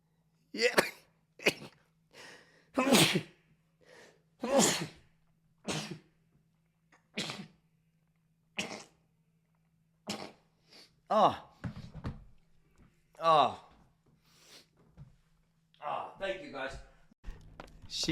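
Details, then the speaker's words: Male Twitch streamer who says he has allergies: a rapid run of about a dozen short, sharp sneezes, one after another, with a faint steady hum behind; rapid repeated sneezing. "No, I got allergies. I was sneezing."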